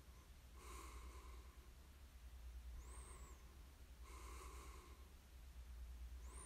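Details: Person sleeping: rhythmic noisy breathing with snorting rasps and a faint high whistle on some breaths over a low background hum, snoring.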